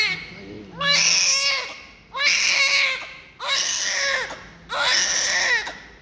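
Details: Four strong, rhythmic crying bursts, about 45 a minute with brief pauses, from a newborn just after birth, covered in thick vernix with blood, during cleaning; a vigorous normal newborn cry.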